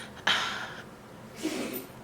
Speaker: you hear my dog sneezing I swear this allergy season everybody's feeling it